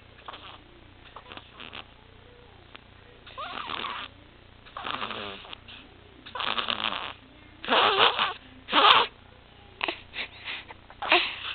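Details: A 6-week-old infant later diagnosed with laryngomalacia, tracheomalacia and micrognathia (Pierre Robin sequence), with gasping and blue lips, makes irregular, harsh, squeaky gasping breaths with apneic pauses: inspiratory stridor.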